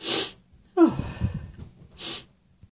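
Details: Sneezing by a person who says they are very congested today: a sneeze burst, a drawn-out voiced groan, then a sniff-like hiss; sneezing and sniffles with a stuffy nose.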